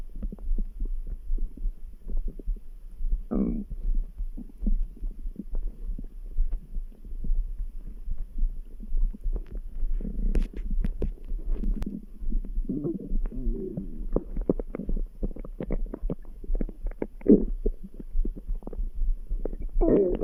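Low gurgling stomach rumbles over a steady background heartbeat, about 70 a minute; ordinary bowel sounds.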